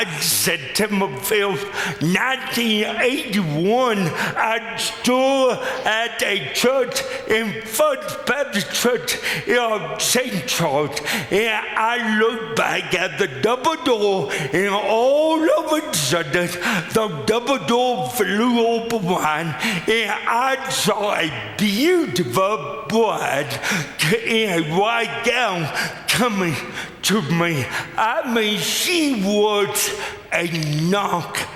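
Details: Adult man with lifelong cerebral palsy; speech dramatically affected by the disability; dysarthria (cerebral palsy).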